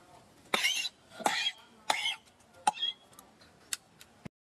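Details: A pet monkey in Kampong Cham, Cambodia, coughing continuously: four short, harsh cough bursts about a second apart, then a few soft clicks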